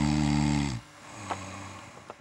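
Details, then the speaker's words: One loud, rough, rattling snore with a low buzzing tone, then quiet; adult snoring in a UK TV news report on couples sleeping apart because of a partner's snoring. "three-quarters of couples in the uk regularly spend nights in separate rooms because of snoring that's according to a new survey many consider snoring socially unacceptable"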